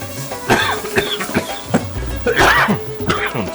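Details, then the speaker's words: Several short, sharp coughs and throat clears from an adult cooking, triggered by spices while making the masala, over background music; irritant cough. "امروز یک سرفه در اینجا شروع کردم."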